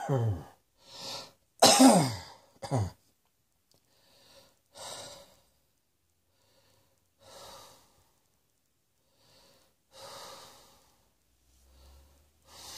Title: Cross Dressing Coughing 106